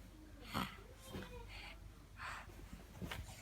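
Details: A 23-month-old toddler makes soft, snorting breathy noises, playfully imitating his uncle's or aunt's snoring on request.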